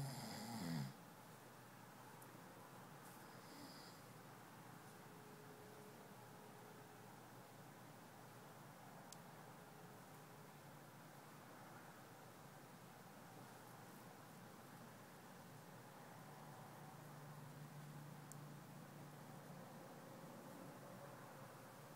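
Soft, steady rumbling snoring through sleep breaths, with quiet room noise in the background.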